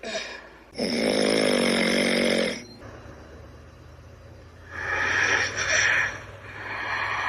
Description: Symo wakes up, to see a dragong snoring loudly